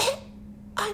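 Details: Coughing from a person who is sick, filmed late at night.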